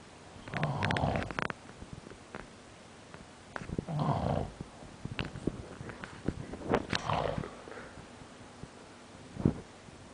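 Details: Irregular, rough snoring breaths mixed with snorts and clicking noises in a quiet room.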